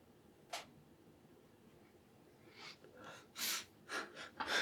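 Quick sharp in-breaths building up, then a burst of air like a sneeze; a gasping wind-up before the sneeze.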